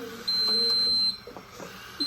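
A steady high-pitched tone lasting almost a second, then a brief restart, over faint room noise; a ventilator beeping during setting changes.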